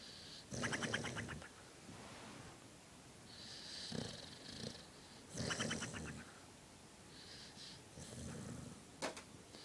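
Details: Overweight female dog sound asleep, cheeks puffing and flapping with each breath: soft, fluttering snores with whistling nasal breaths, about 13 breaths a minute, plus a few snorts.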